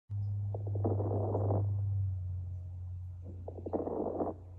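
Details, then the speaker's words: Two breaths with brief, crisp, intermittent crackling clicks over a steady low hum. These are fine lung crackles, which can clear with coughing and sound like hair moving, in an educational abnormal breath sound demonstration. "now crackles can be fine or coarse and are intermittent or brief fine crackles can be cleared by coughing and sounds like hair moving through"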